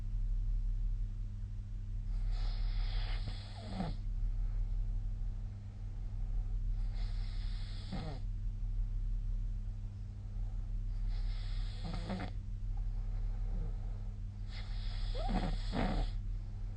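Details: Snoring during sleep, recorded 2024/12/15: four soft, rasping snores about four seconds apart, roughly 15 per minute, over a loud steady hum.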